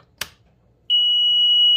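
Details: Perfecto Invacare 5-liter oxygen concentrator powering on: a click, then a steady high-pitched start-up tone; normal start-up beep before oxygen flows through the humidifier.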